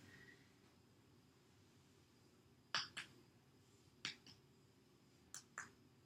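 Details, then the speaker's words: Six sharp taps in three pairs during an abdominal assessment, starting at the left lower quadrant and listening for tympany and for dullness over solid organs such as the liver and pancreas: abdominal percussion. "Now I'm going to move on to percussion. It's going to be the same format as in auscultation, starting off with the left lower quadrant. And I'm going to listen for any dullness over the solid organs, such as the liver and the pancreas."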